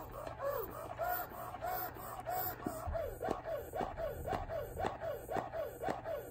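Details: Breast pump sound comparison of Freemie Liberty, Motif Duo, Baby Buddha, Medela and Spectra S1, run without tubing covered. Rhythmic electric pump cycles, each a rising-falling whir with a soft click, about two per second, fairly quiet.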